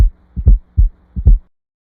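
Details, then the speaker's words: Heartbeat about 77 a minute with a soft extra low sound just before the first heart sound, an S4 gallop, from atrial contraction at end of diastole; rarely normal, warrants further cardiac evaluation. "fourth heart sound it is caused by The Recoil of vibrations between the Atria and ventricles following atrial contraction at the end of diol it is rarely heard as a normal heart sound usually it is considered indicative of further cardiac evaluation"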